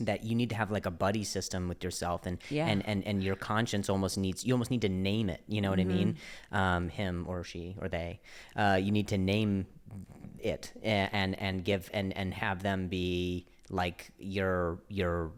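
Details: Stuttering in an adult male comedian speaking conversationally in English; he discusses his injury and his stutter; word and phrase repetitions.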